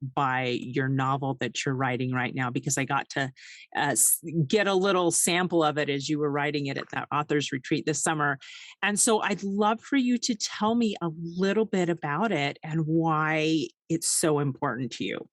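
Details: Adult woman speaking; typical speech.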